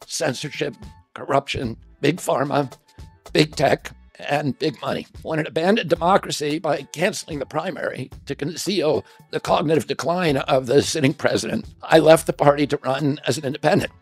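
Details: Adult male political figure (Robert F. Kennedy Jr.), said by narrator to have spasmodic dysphonia, described as a loss of his voice; spasmodic dysphonia.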